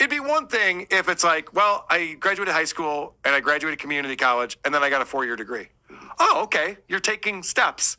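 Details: Adult man; typical speech.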